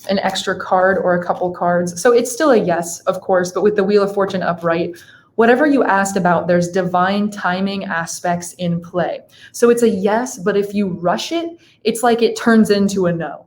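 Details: Adult woman speaking; Typical speech.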